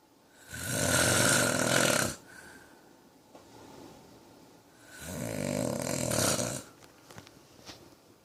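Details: Man snoring: two loud, harsh, rattling snores on breathing in, about 13 per minute, with quiet pauses between; ordinary heavy snoring.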